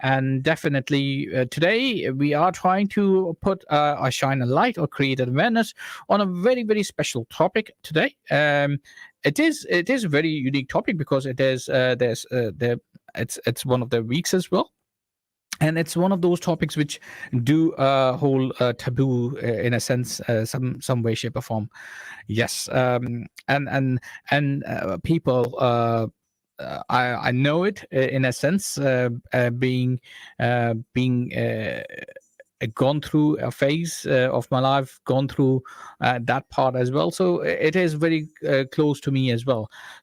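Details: Adult man who says he stammers himself, speaking while invited to explain stammering; stuttering.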